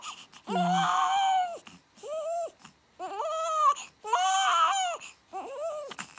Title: 5 days after birth 🙂 Stop crying~😢生後５日目🙂泣きやんで～😢